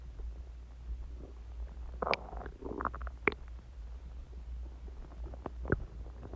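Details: Bowel sounds (borborygmi) recorded from the person's own stomach about an hour after eating eggs and ice cream and drinking Coke, when the growling was loud enough to hear unaided.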